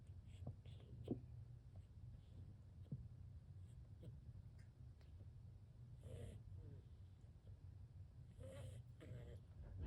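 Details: Cat with an unknown lung infection (also spread to another cat) giving a few short, harsh hacking coughs with a faint wheezy edge against a steady low hum.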